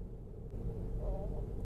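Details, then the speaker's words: Low, muffled rumbling with a brief gurgling tone partway through from a young woman's stomach during a livestream; ordinary stomach growl (borborygmi). "鳴ったんだけどちょっと待って絶対聞こえてないで欲しい"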